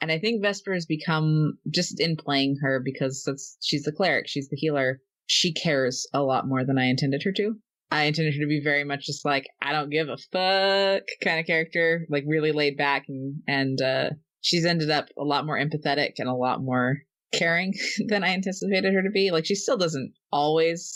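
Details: Adult speaker; ordinary speech.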